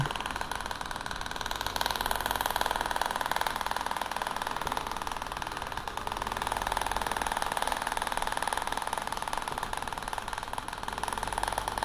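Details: Shock wave therapy of the Achilles tendon at high power (the most the patient can bear), gel applied, avoiding bone: fast steady mechanical tapping about four pulses a second as the device fires.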